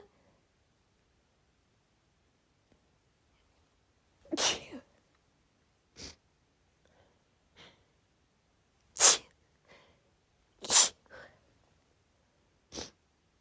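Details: Female, sneezing fit triggered by cold air: about four sharp, explosive sneezes with softer sniffles between them.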